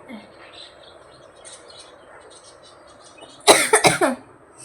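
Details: Young woman feeling unwell while getting ready for the office, later taken to hospital and given saline drips and an injection, with throat trouble mentioned: dry cough.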